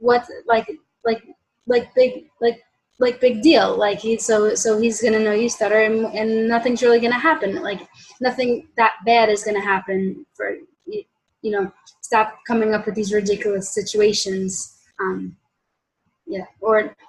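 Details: Adult woman, stuttering worsening after college; self-described pretty mild covert stutterer who hides it by switching words, with blocks on certain letters such as her name's start; finding: stuttering (mild, covert).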